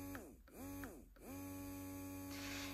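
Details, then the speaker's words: Portable Baby Buddha electric breast pump on its first "massage" setting: motor hum with quick short pulls or vibrations, then a long steady pull, which the user finds hurts even at the lowest setting. "the first setting is actually going to be what I call kind of the massage setting but listen to it there's a lot of little short pulls or I guess vibrations and then a long one"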